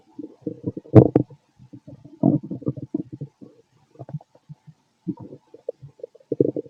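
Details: Stethoscope auscultation of a fit male's stomach: bursts of gurgling and rumbling in uneven runs with brief pauses, ordinary stomach growling; bowel sounds.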